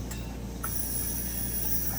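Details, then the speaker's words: Portable oxygen tank at home, regulator set to 2 at rest: a short click as the valve opens, then a steady high hiss of gas flowing; the gauge reads full at 2,000 psi. "The air comes out, and as you can see, the arrow now is on the full mark, which happens to be 2,000 psi."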